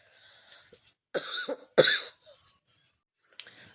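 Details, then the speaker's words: Cough in an adult woman who says she has a slight cold and that a cough has recently started, changing her voice. "लेकिन मुझे मेरा गलत थोड़ा आजकल खांसी घर भर को शुरू हो गई है इसलिए मेरी आवाज अलग सी जाएगी इग्नोर कीजिएगा"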